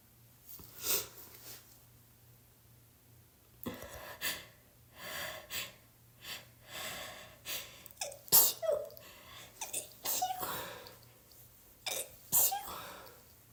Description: I thought I was getting over my cold but today I’ve been soooo sneezy 😭 I legitimately can’t go two minutes without sneezing.